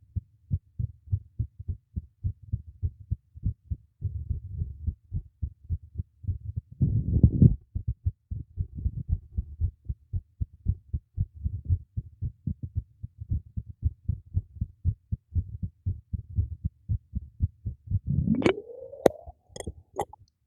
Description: My new microphone secured into place beneath this teacup makes for a nice and pretty clear recording of my heartbeat :)